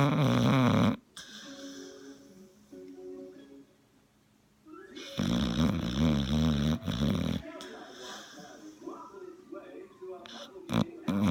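Loud, rough, rumbling breath sounds in sleep with fluttering tone, interrupted by quieter stretches; heavy dog snoring.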